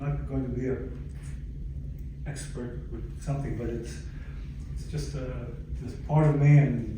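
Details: Aphasia in an adult stroke survivor, following a stroke about 11 years earlier; aphasia.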